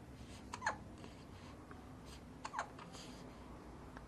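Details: About 2-week-old baby boy: two short, sharp hiccups, about 30 a minute, over quiet room noise.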